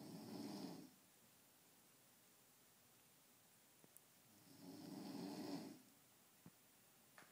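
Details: Adult man (a father who denies snoring) asleep: two low, rattling snores, each about one second long and 4–5 seconds apart, with quiet breathing between in a still room. Ordinary snoring.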